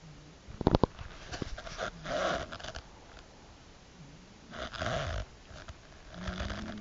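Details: Two soft, rough snoring breaths with snuffly noise between them from a sleeping animal; snoring.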